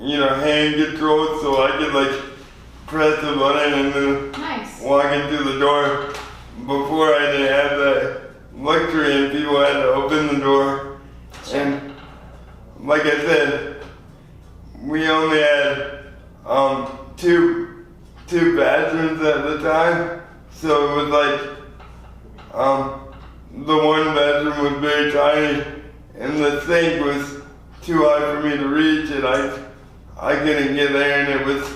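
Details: 24-year-old man with lifelong spastic quadriplegic cerebral palsy from premature birth at 2 lb 4 oz; dysarthria (spastic, cerebral palsy).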